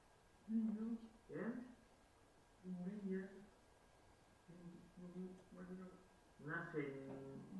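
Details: Man with expressive (Broca's) aphasia one year after a left middle cerebral artery stroke; Broca's aphasia.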